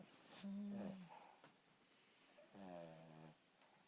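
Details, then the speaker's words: Dog awake, not asleep: two snorting, snore-like nasal breaths in a quiet room; snoring-type breathing while awake. "are you snoring when you're awake? You're so cute."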